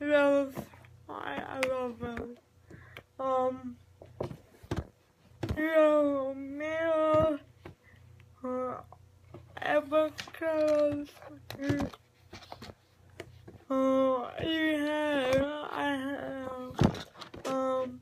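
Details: Adult speaker; dysarthria (cerebral palsy).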